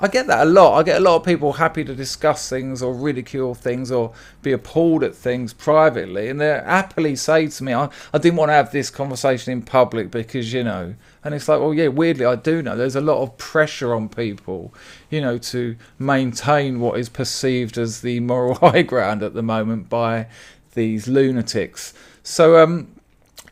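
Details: Adult man; ordinary speech.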